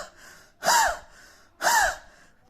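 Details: Two sharp, loud indrawn breaths with a whistling rise and fall, about a second apart: gasping, a cough-type sound presented for choosing a homeopathic medicine by its sound.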